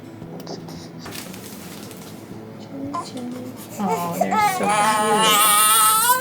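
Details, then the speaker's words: Newborn boy about two weeks old with dextrocardia, at a day of heart tests and doctor visits: a rising, sustained, ordinary upset newborn cry, over room noise and quiet talk. "he was like crying and squinting and then he opened like and it broke me"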